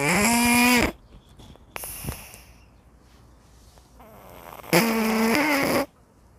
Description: It is the snoring sound of Ilsoon, a cat enjoying a leisurely nap.